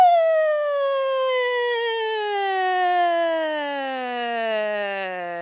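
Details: Adult voice; normal phonation.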